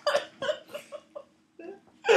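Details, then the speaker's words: Man with persistent hiccups that a glass of water did not stop: a run of short, abrupt voiced gulps in quick succession; hiccups. "right this is there we go there one right this is not a joke apparently it's not a joke I'm hicking up right now"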